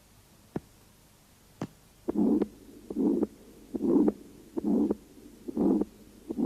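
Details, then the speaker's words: Aortic stenosis heard over the aortic area: weakened first and second heart sounds with a loud, coarse systolic murmur radiating to the neck vessels, about 70 a minute, from narrowing of the aortic orifice. "грубый систолический шум на аорте проводящийся на сосуды шеи возникает в результате сужения устья аорты и затруднений оттока крови из левого желудочка в аорту"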